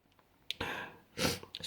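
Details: A quick intake of breath leads into a sharp, hissing burst of air, then a second burst: sneezing in a quiet room.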